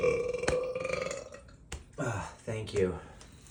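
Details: A long, low, tonal belch followed by several shorter burps in quick succession; deliberate burping from a compilation.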